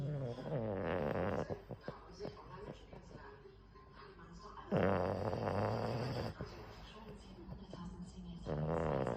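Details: Boston Terrier snoring: loud, rattling, low-pitched snores on each breath in, about 16 a minute, with quieter breathing between. Dog snoring.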